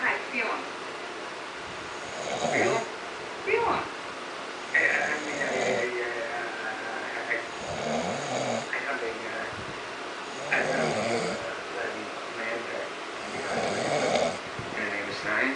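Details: A man snoring while asleep, with about five repeated rough, rattling breaths over fifteen seconds at regular intervals and quiet pauses between; snoring.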